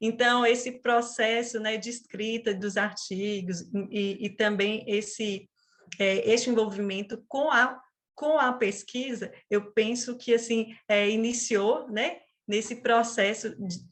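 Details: 37-year-old woman who stutters, onset at age 4, father and brother also stuttered; she calls it a neurobiological speech disorder; stuttering.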